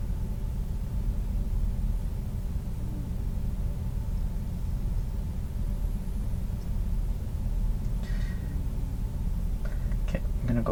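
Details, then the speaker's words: Real-person abdominal auscultation for bruits with a stethoscope over the aorta near the xiphoid, then the renal and lower iliac arteries; no turbulent swishing bruits are heard, a normal finding. "to the renal arteries a little bit lower to the iliac arteries okay I didn't hear any breweries um fair or just a good thing"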